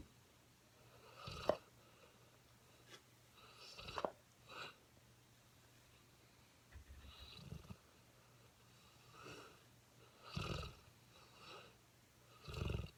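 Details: Seven-month-old mastiff puppy asleep: soft, irregular low snorting breaths with faint rattly sounds in a quiet room; snoring.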